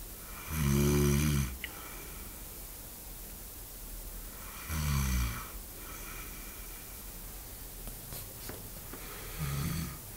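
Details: Heavy snoring in a sleeping adult man: three loud, deep, rattling snores on the in-breath, about 14 a minute, with quiet pauses between them.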